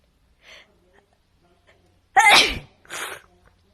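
A soft intake of breath, then one loud explosive sneeze followed by a shorter breathy burst.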